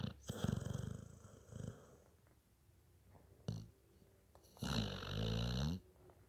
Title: Little bit snoring